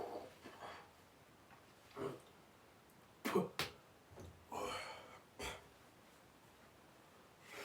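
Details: Cough.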